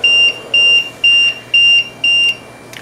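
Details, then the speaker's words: LTV1000 ventilator low minute volume alarm, steady high-pitched beeps twice a second, because exhaled air goes through the speech cannula's fenestration to the upper airway in a Blom tracheostomy tube and does not return to the ventilator. "no exhaled air is being returned to the ventilator for monitoring causing the low minute volume alarm to sound disabling the alarm is not advised"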